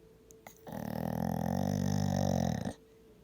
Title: Lyra snoring❤️❤️❤️❤️